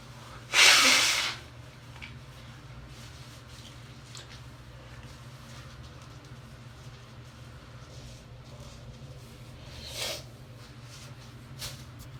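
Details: Wet hay fever sneeze from a female: one loud, explosive, hissing sneeze followed by quiet breathing and a faint sniff or two.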